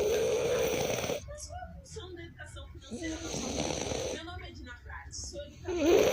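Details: French Bulldog snoring: rough, snorting snore bursts with noisy breathing between them, typical of a flat-faced dog.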